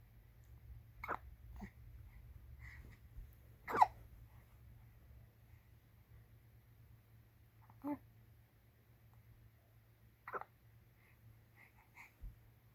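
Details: Female baby in her diaper with hiccups: soft, brief catches of breath at irregular intervals, about six over thirteen seconds, in a quiet room.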